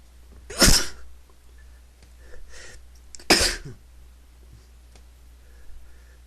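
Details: Male who "can't stop" sneezing: two sharp, explosive sneezes a few seconds apart, with quiet breathing between.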